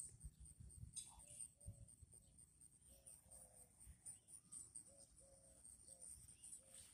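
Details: A Chihuahua makes a quick run of short, honking snorts on repeated inward breaths; the owner says it happens only occasionally: reverse sneezing.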